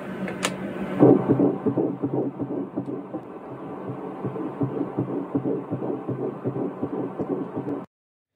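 Rapid rhythmic whooshing pulses, about 160 a minute, from an unborn baby's heartbeat picked up by ultrasound.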